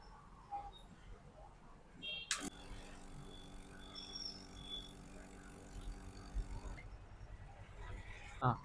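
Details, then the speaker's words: Nebulizer compressor switched back on after repair (cap refitted): a click, then a steady low motor hum with faint airy hiss for about four seconds as air comes out, running normally. "ఒకసారి మళ్ళీ on చేసి చూపెడతా చూడండి. చూడండి ఈ paper అయితే ఒకసారి on చేస్తే హెయిర్ రావడం జరుగుతది."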